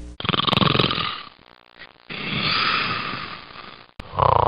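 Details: Loud, rough, rattling snores on breaths in, with a quieter gap between them: ordinary heavy snoring.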